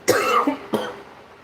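Two short, harsh bursts of an adult cough about half a second apart, the second softer, in a quiet room: an ordinary cough.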